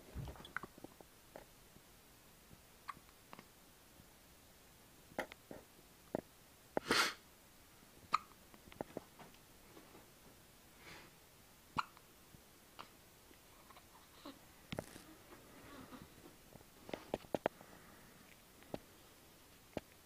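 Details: Infant hiccups, apparently around a bottle feed: soft, brief clicking hiccups at uneven intervals in a quiet room, with one louder breathy sound midway.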